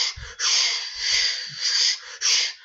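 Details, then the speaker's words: Vocal imitation of a rough, hissing whoosh like an old steam-engine train, representing the continuous machinery murmur of patent ductus arteriosus. "También hay algunos que tienen alguna característica musical, por ejemplo, un soplo que tiene una característica muy típica es el soplo del ductus arterioso persistente, soplo en maquinaria de tren."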